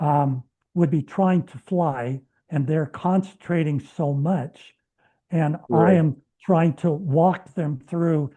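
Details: Adult man who has stuttered all his life, speaking with a speech plan of deliberate short stops, three months into a treatment program and reporting no stuttering since; treated stuttering (fluent speech with deliberate short pauses).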